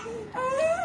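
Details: Two-month-old girl crying after a pneumonia vaccine injection: a short, rising, high-pitched pain cry.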